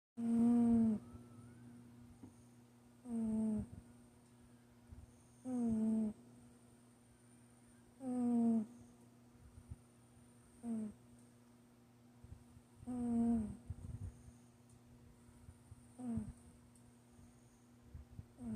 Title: cat nap....Bobi snoring🐈🐾❤️❤️ #snoringcat #catnap